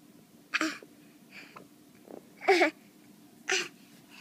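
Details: Three short, sharp catching sounds about a second apart over four seconds; hiccups.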